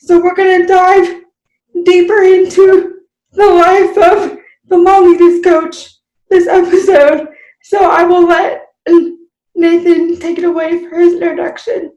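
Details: Speech of an adult woman with cerebral palsy, possible dysarthria, in unscripted conversation.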